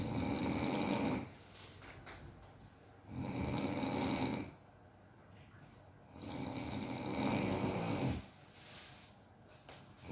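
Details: Pet dog asleep, checked for snoring: three rough, rattling snores in ten seconds, about 20 breaths a minute, with quiet gaps in a still room.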